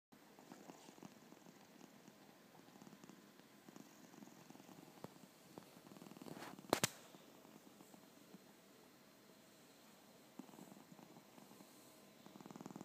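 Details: Soft, low, rhythmic purring snore from a 25-year-old elderly female cat sleeping comfortably, quiet and steady, with faint room noise.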